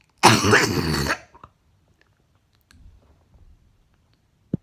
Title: Ugh coughing